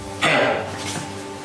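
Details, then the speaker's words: Nine-month-old rescue dog with kennel cough caught at a park during an Auckland outbreak: a single harsh, honking cough burst, then a softer follow-up, like clearing something lodged in the throat, over faint music. "they kind of sound like a honking pig to us it sounded like he had something lodged in his throat and he was trying to clear it"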